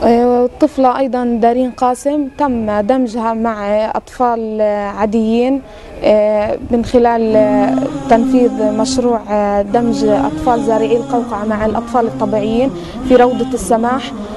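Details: Adult woman speaking Arabic; typical adult speech.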